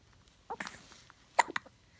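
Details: Baby girl with hiccups: a few quick, sharp hiccup sounds within two seconds.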